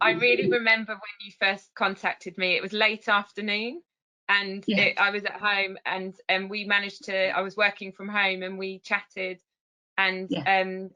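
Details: Adult woman speaking; ordinary speech.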